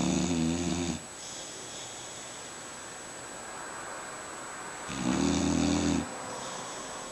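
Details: Brandy snoring.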